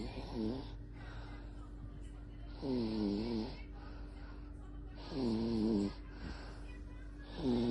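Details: Infant snoring: rhythmic rattling snores on each breath in, about 26 a minute, with a steady background hum.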